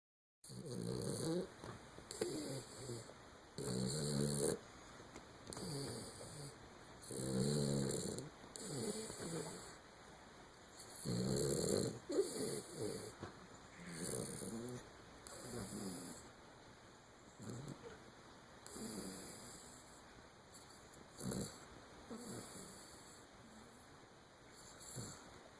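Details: Schnoodle dog snoring: rough, rattling breaths repeating about 17 times a minute.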